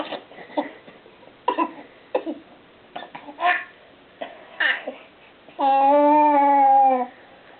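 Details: Several short, loose coughs from an almost 8-month-old baby boy who is sick again, mixed with giggling, babbling and a long happy squeal.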